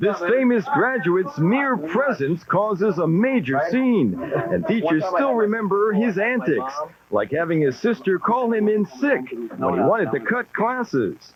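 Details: Adult speaker, narration; normal fluent speech.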